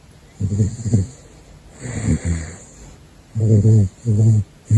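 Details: Gosha, a caracal, snoring while asleep: repeated low, rattling snores on each breath with soft hissing between them.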